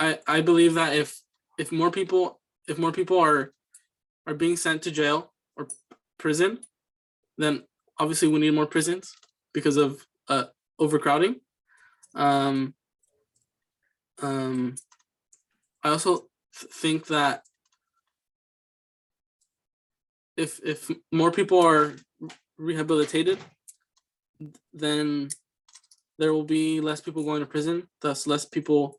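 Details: Student answering interview questions in a fluency speech sample for a communication disorders class, with word repetitions, pauses and interjections; disfluent speech (stuttering-like disfluencies).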